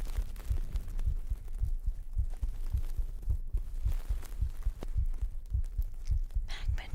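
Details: Pre-recorded heartbeat for an ASMR stream on a 3Dio binaural microphone: steady low thumps at about 107 beats a minute, under soft rustling and whispery background sounds; a normal heartbeat.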